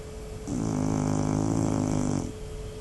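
A single loud, deep, rattling snore on the in-breath, lasting about two seconds.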